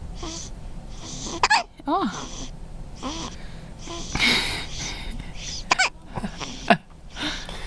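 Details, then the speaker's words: Baby boy with hiccups, hands against his face: repeated sharp, catching hiccups mixed with soft voiced sounds and fussing in a small room. "you have the little hiccups buddy are you looking at Daddy yeah yeah you"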